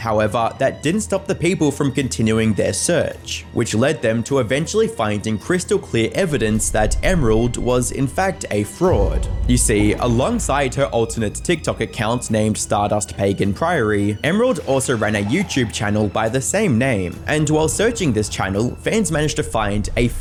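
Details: Adult male narrator; Ordinary speech.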